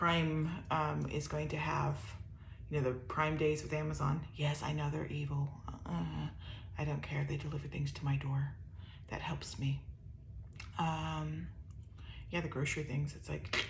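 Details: Dysarthria in an adult woman with upper motor neuron dominant ALS (C9orf72 mutation) with some lower motor neuron signs; her voice gets softer after talking.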